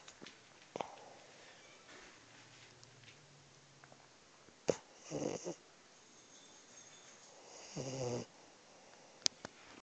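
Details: French Bulldog napping at work, snoring loudly: two noisy, rattling snorts several seconds apart over quiet room noise.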